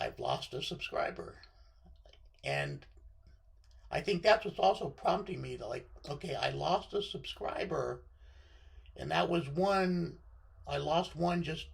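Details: Adult man with left vocal cord paralysis after surgery, affecting voice control; voice sometimes high, sometimes baritone, sometimes scratchy; dysphonia from unilateral vocal cord paralysis.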